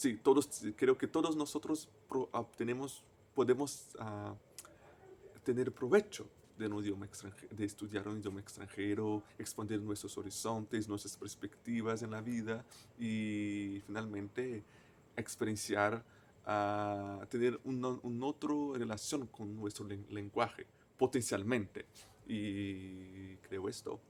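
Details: Adult male native Portuguese speaker who stutters, speaking Spanish as a foreign language; stuttering.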